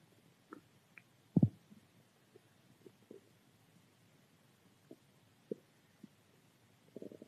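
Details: Hungry stomach: quiet scattered gurgles and pops with one louder low gurgle, ordinary borborygmi (stomach growling).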